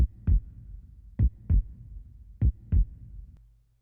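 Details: Final synthesized heartbeat effect made with the Serum synthesizer in Logic Pro X, tweaked to sound more natural: paired low lub-dub thumps at about 50 beats per minute; simulated, not a real heart.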